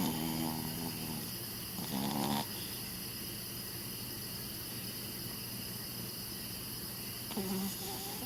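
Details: Chihuahua, 12 years old, asleep on his back beside owner; brief soft snoring breaths, partly masked by steady room noise; he snores every time he sleeps on his back. Snoring.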